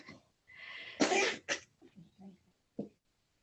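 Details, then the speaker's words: A cat having a coughing fit, heard in the background of a recorded talk: a hissing inward breath, two sharp, forceful expulsive bursts, then several small trailing coughs. "i apologize the kitty's having a little coughing fit if you hear that"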